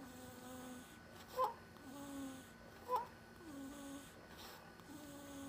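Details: Baby boy snoring while deeply asleep after a long day visiting his grandparents: soft, steady snoring breaths about every three seconds, with a few brief squeaks between them.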